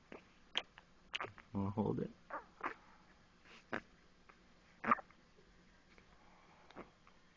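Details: Infant hiccups: short, sharp hiccup sounds about every second, with a brief fussy vocal sound, around use of a pacifier.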